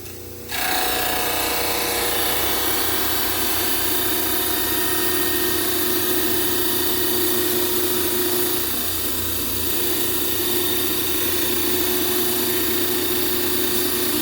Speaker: So I'm going to start with my heel cuts and make those two sides match. Better drop it first. Again, we just skim.